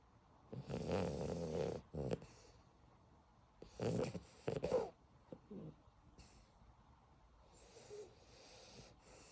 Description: Molly the beagle puppy snoring